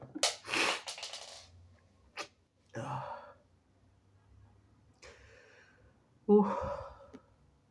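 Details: Sinusitis with induced sneezes: strong sneeze, sniffs and breathy exhalations, then a second sneeze; nose hurting with some blood in mucus, lots of nose blowing, watery red eyes.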